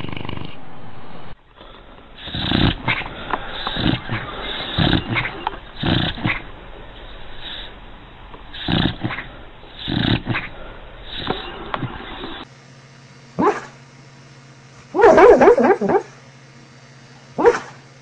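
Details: Irregular snorting and snuffling snores with short grunting sounds from a sleeping dog; ordinary snoring during sleep.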